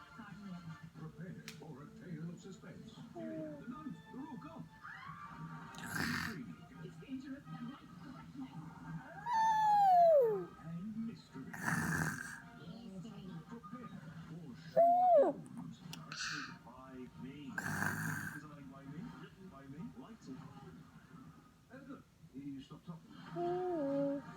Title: Fake snoring baby 😍